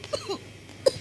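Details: Two short, fairly dry coughs from a child in a quiet room.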